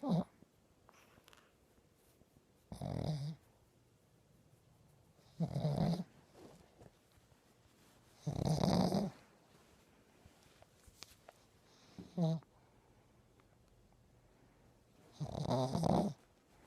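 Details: Small dog sleeping: repeated short rattling snores separated by quiet gaps, six in about 17 seconds; snoring.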